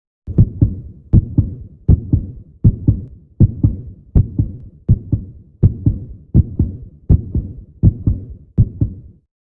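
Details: A baby heartbeat sound effect: steady, clean, regular paired lub-dub thumps at about 80 beats a minute with no other sounds; heartbeat.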